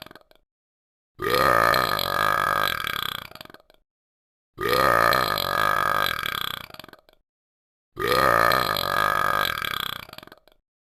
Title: talking Ben the dog burps for 60 seconds (Funny Video)